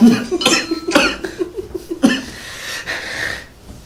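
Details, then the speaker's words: Comedian's acted, exaggerated comic cough from a compilation: loud harsh bursts running into a rapid string of short voiced hacks, then a wheezy drawn-out breath; simulated cough. "Iya itu berarti tandanya Anda berobat bab 10 ada kompilasi batuk.flu ya sadar berobat"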